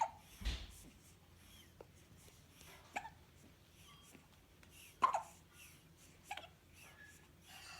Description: Newborn twin boys have the hiccups :) 2 1/2 weeks old.